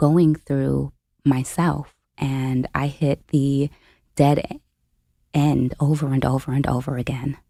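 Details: Adult woman, a full-time family caregiver since age 29, with a self-reported stutter; real, unscripted speech; stuttering.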